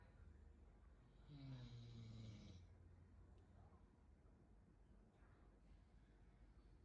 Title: Dog Snore out loud ( chó ngáy ngủ ) #DogSnore #dog #Snore #FunnyMoment